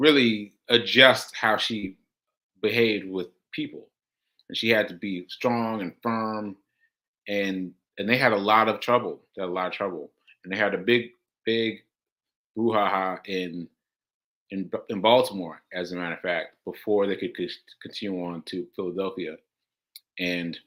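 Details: Aphasia, a language disorder affecting communication, in a male host after a stroke on July 14, about six months earlier; he says he experiences it when trying to communicate.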